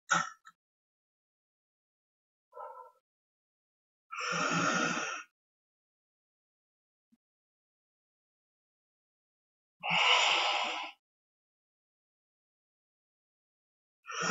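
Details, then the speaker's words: Inhaler with spacer, breath-holding method (recommended for asthma or COPD): deep breaths in and out through the spacer with silent breath holds, repeated about three to four cycles per puff; second puff given after three cycles. "repeat this about 3 to four times if your doctor advis two Puffs the second puff will be taken after three cycles of this is completed"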